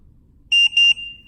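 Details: Two short high electronic beeps from a Trilogy 100 ventilator as the down button and alarm button are pressed together to unlock the settings during setup.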